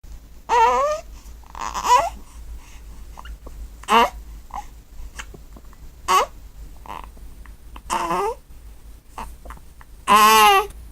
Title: Newborn Hiccups